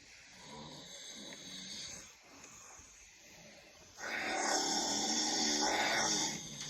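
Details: Man asleep in the next bed in a 20-person hostel dorm: loud, harsh snoring with a rattling quality that swells on each breath, over quiet room noise; snoring.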